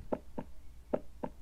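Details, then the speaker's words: Simulated normal heart sounds: crisp, regular lub-dub (S1 and S2) at roughly 75 beats a minute, the sound of the heart valves opening and closing. "beating of the heart, that is the valves that are actually opening and closing. So that is the sound that you hear when somebody's heart is beating."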